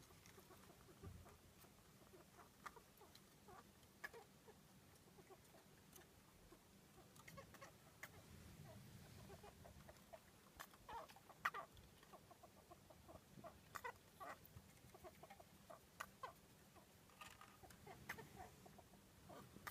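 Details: Pet mouse with a respiratory infection at the peak of illness, after it sat alone with fluffy, dull fur and laboured breathing: faint, frequent tiny clicks, squeaks and sneezes (sneezing and chirping).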